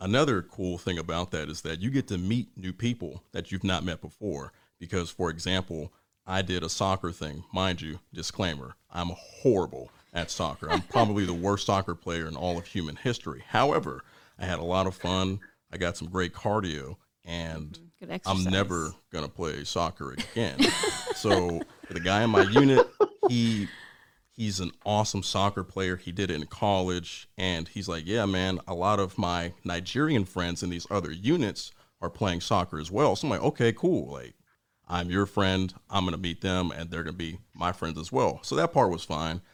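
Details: Adult man who stutters in his natural voice, reduced through speech therapy; stuttering.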